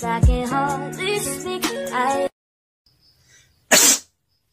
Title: SNEEZE CHALLENGES/ TIKTOK COMPILATION